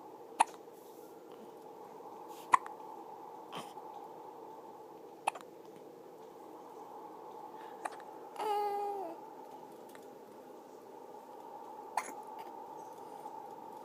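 Quiet room with a series of sharp, brief clicks repeating every few seconds, about six in all, plus one short vocal sound; hiccups.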